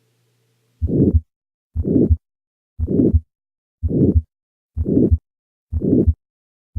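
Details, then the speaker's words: 80-year-old man with recurrent syncope, diaphragm at the second right intercostal space: regular heartbeat near 62/min with a harsh crescendo-decrescendo systolic murmur between beats, aortic stenosis. "an 80 year old man presents with recurrent syncope this murmur is best heard with a diaphragm at the second right intercostal space"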